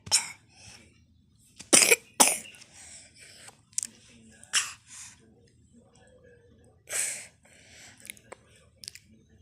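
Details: Several sharp, dry coughs and throat clearing from a sick child, with soft speech in between; a plain cough.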